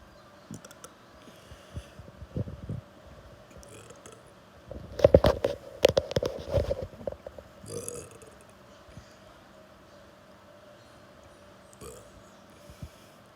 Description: More burps.